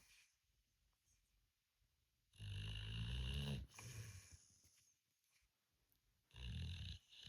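Two loud, low rumbling snores on breathing in, separated by quiet breathing; ordinary snoring during sleep.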